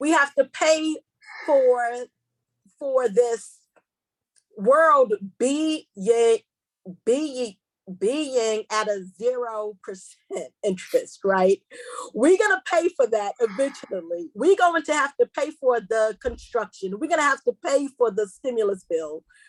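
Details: Stuttering in a female seminar host who describes herself as a stutterer, proud of it, and says she will stumble over words during the seminar.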